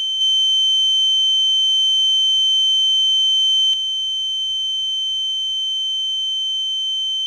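Steady high-pitched ringing tone with a faint low hum, a sound-effect imitation of ear ringing (tinnitus).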